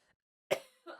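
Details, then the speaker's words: One sharp, explosive cough burst with a short fading tail during a radio show, then the start of a voice. "if you're wondering if that cough button worked it absolutely did I didn't even hear you cough"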